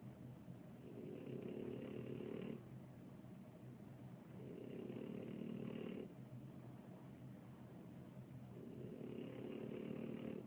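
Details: Loud, rattling snoring during sleep, loud enough to keep another sleeper awake; snores on each in-breath about every four seconds, roughly 15 breaths a minute, with quieter out-breaths between.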